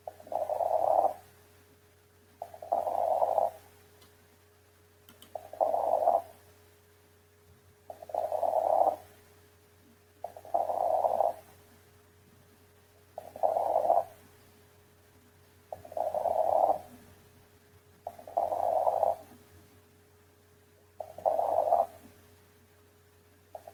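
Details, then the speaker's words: Pneumonia with the focus at the lung bases: auscultation signs of consolidation, namely decreased air entry, crackles and bronchophony; breath sounds at about 24 a minute with crackles, consistent with crackles with pulmonary consolidation. "la oscultación característica que son los signos de consolidación: disminución de la entrada de aire, la presencia de crepitantes y la broncofonía."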